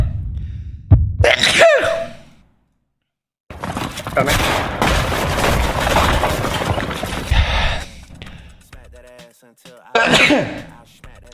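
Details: Adult male sneezing, described as allergy, during a live stream: two abrupt voiced sneeze bursts with loud background noise between them.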